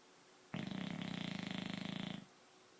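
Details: Sleeping dog snoring: one long, steady, rattling snore on a single breath.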